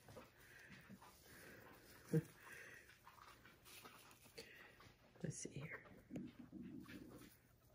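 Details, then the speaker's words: Low, irregular gurgling rumbles from an adult's stomach, hunger-related bowel sounds (borborygmi), which the speaker notices and blames on being hungry. "my gosh that was my stomach did you hear that what the heck feed me that's what it was too"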